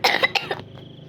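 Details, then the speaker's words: Person apologizing for coughing often while playing a game, said to be day 8: a quick run of two or three short, harsh cough bursts close to the microphone; cough. "Iya guys, gue batuk. Karena ini dari 8 ya. Iya ya, dari 8. Sorry ya guys kalau aku batuk-batuk mulu karena batuk."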